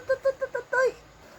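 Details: 2-month-old baby: four short, thin, tonal cries, then a longer one falling in pitch; infant crying.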